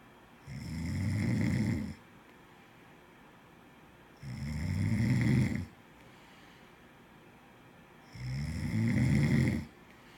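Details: Three deep, rattling snores on the in-breath from a sleeping person, about 16 breaths a minute, with quiet gaps between; ordinary snoring.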